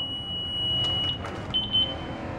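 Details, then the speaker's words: Zoll defibrillator pre-use test at 30 joules, charged and discharged into a tester: steady high-pitched charge tone with clicks as the shock is delivered; defibrillator charge and shock tone. "ที่30จูนครับเทสพลังงานที่30จูนเทสเครื่องจนั้นก็กดชาร์จครับนี่ะก็กด"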